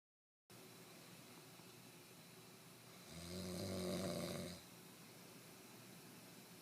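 A single low, rumbling snore lasting about a second and a half over steady room hiss: snoring.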